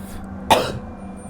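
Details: Single short, throaty cough or throat clear from a sick adult gamer during commentary, in a quiet pause with faint game music behind.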